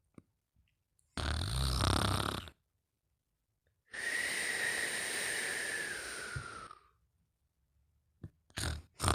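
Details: A rough snore, then a long breath carrying a falling whistle, then short snorts; snoring with whistling.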